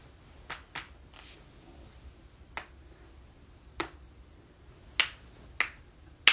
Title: cracking joints